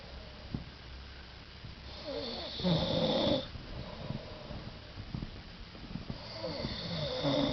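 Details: Man asleep on holiday, giving snorting, rattling snores over steady room noise and scattered clicks, with apparent pauses in breathing when his nose is pinched; snoring.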